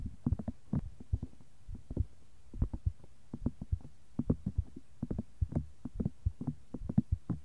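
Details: Heart sound recording for ASMR in one ear, with brushing and tapping in the other: soft, low heartbeat thumps picked up at the chest; heartbeat.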